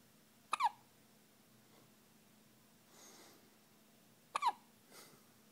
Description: Our little lovebug has the hiccups but is sound asleep!!!